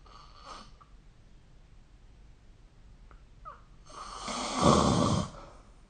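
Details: Snoring during sleep, recorded with the SnoreLab app: a faint breath, then a loud, rough, rattling inhaled snore building over about a second and a half.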